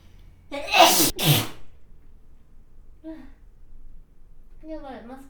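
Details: A single loud sneeze through a mask, a voiced catch of breath then an explosive burst, followed by two brief soft vocal sounds in a quiet room.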